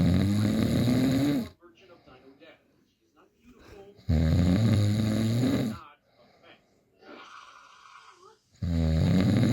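Loud, harsh, rattling snores on the in-breath, three in about ten seconds, with quiet breathing between them, roughly 14 breaths a minute: snoring.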